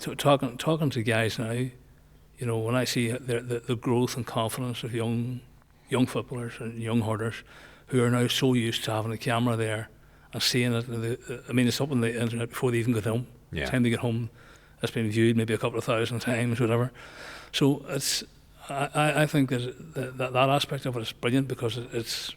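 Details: Male nearly 65 with Parkinson's disease, diagnosed after he noticed his voice was not right; also word-finding difficulty, gait change and tremor controlled by medication; hypokinetic dysarthria (Parkinson's disease).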